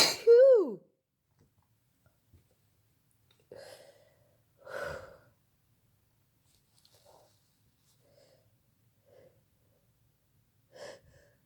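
A forceful sneeze, then several more sneezes and sharp breaths over about ten seconds, a fit of repeated sneezing.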